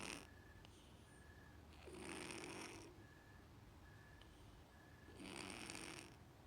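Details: Sleeping female cat with leftover breathing issues from cat flu contracted as a stray: two slow, drawn-out breathy snores a few seconds apart with a soft whistling tone between them.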